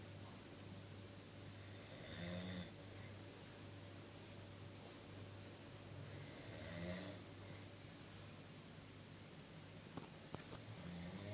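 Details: Snoring from a sleeping brother, described as loud.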